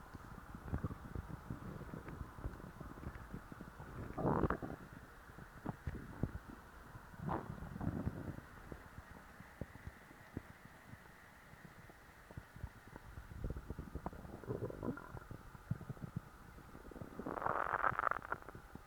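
Irregular gurgles and rumbling bursts with quiet gaps between them: stomach growling from active bowel sounds.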